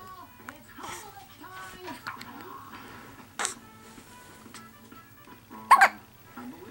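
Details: Young boy with hiccups in the morning, May 2010; a few sharp, sudden hiccup sounds in a quiet room with soft background music and the child's voice; hiccups.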